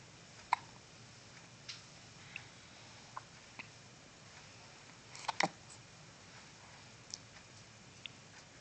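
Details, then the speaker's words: Infant boy lying in a Boppy pillow with hiccups, recently bottle-fed: brief, sharp hiccups at irregular intervals, about eight in nine seconds, over quiet room noise. "has the hiccups"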